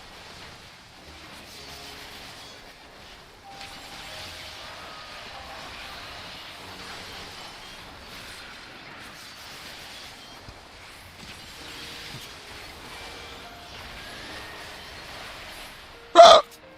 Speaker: Sorry. Sorry. That is an anxiety thing. I don't know. Uh some people say it sounds like a little dog. Uh other people sounds like say it sounds like a really bad hiccup.